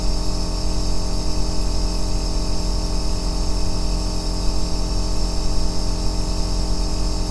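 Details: Aerosol compressor nebulizer operating steadily, recorded as ASMR white noise for sleep and relaxation: a continuous low-pitched bass mechanical drone with a light hiss.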